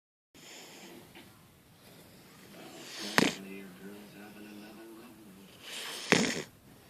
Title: Snoring Pup